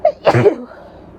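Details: A female with bronchitis and a barking cough takes a short intake of breath, then gives one loud explosive sneeze that fades into quiet room noise. Sneezing.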